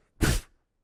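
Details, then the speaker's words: Lecturer vocally imitating a heart murmur, the noise of blood squirting through a small valve opening, to explain systolic murmurs such as aortic stenosis and mitral regurgitation. "So if the aorta doesn't open all the way and you squirt it through, you hear a noise."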